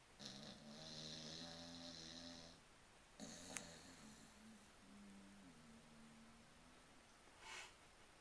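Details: Sleeping dog snoring: long, rough, droning snores on inspiration, with a quieter rattling breath between them.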